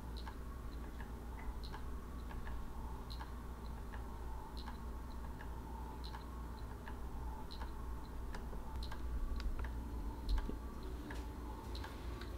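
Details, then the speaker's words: Ultrafiltration pumps running: steady mechanical ticking over a low motor hum as the Aquadex SmartFlow blood pump spins up to the programmed blood flow rate and the ultrafiltrate pump moves, in fluid overload therapy training. "press run blood pump should begin to spin until reaching programmed blood flow rate ensure ultra filtrate pump is moving"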